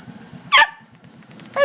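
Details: Neighbor's dog sneezing from excitement at seeing a visitor: a sharp, explosive sneeze with a second starting at the end.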